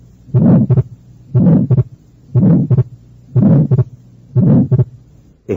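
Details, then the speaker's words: Fixed split S2, as in atrial septal defect: heartbeat near 60 per minute, split not changing with respiration. "eso fue un desdoblamiento fijo del segundo ruido cardíaco como sucede en las comunicaciones inter auriculares el segundo ruido cardíaco está desdoblado y el desdoblamiento no cambia de manera evidente con la respiración"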